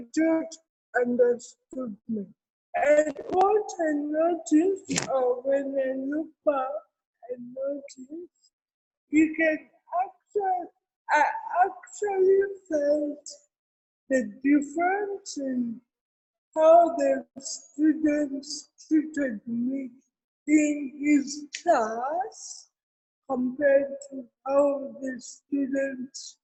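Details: Real speech from an adult woman with cerebral palsy: dysarthria.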